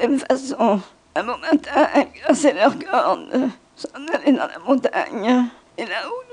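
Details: Adductor spasmodic dysphonia, a dystonia of the thyroarytenoid (adductor) muscles and the most frequent form of laryngeal dystonia, shown in the context of botulinum toxin treatment; adductor spasmodic dysphonia.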